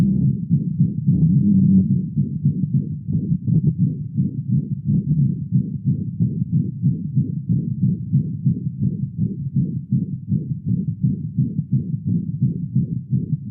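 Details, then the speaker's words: Rapid, regular heartbeat with a harsh whooshing murmur filling each beat in a veterinary patient: an ejection murmur suggesting pulmonic or aortic stenosis. "soplos que son sugerentes a estenosis que en sean entes pulmonar estenosis aórtica"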